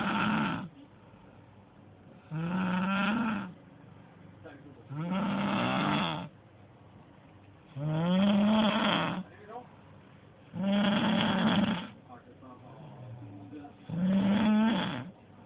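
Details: Heavy snoring from a sleeping person: loud, rough, buzzing snores with each breath, about 20 a minute, with quiet television talk in the background.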